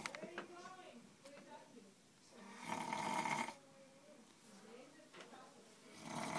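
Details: A single loud, rough, rattling snore on an inward breath from a sleeping adult, with faint voices in the background before and after; adult snoring.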